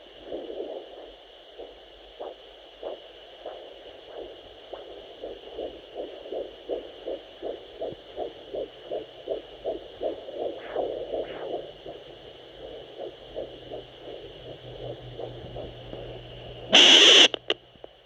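Rapid, regular galloping beats through a Doppler at 12 weeks, with a wind-like placental whoosh beneath.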